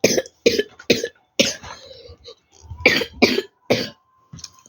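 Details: Person coughing while playing Minecraft: a run of about eight short, dry coughs in quick bursts, some followed by brief throat noise.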